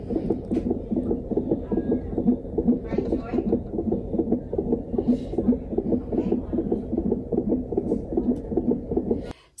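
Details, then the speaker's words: Rapid, regular whooshing fetal heartbeat of about 150 bpm on a monitor at nearly 27 weeks (26w6d) of pregnancy in a mother with gestational diabetes, described as normal and good. "doctor also put me on um the monitor for heartbeat just to make sure that baby's heartbeat is okay"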